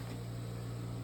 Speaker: when you turn it on you're always going to hear that initial beat the noise that you hear now is the noise that the machine generally makes while it's running